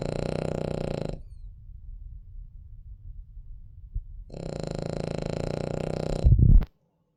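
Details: Cavalier dog sleeping; two long, buzzy, fluttering snores separated by quiet breathing, ending with a brief snort; soft sleep snoring.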